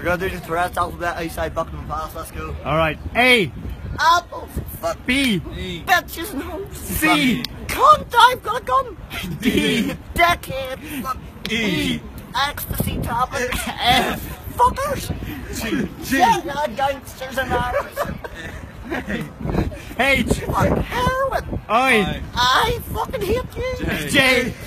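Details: Male speaker with Tourette syndrome, a neurological disorder causing involuntary sounds and movements, reciting the alphabet while interrupted by involuntary vocal tics, including obscene words, left unedited; Tourette syndrome vocal tics.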